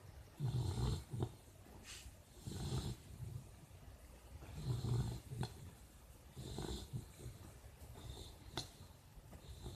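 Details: Snoring: low, rumbling snores with snorting catches, about 29 breaths a minute, somewhat irregular.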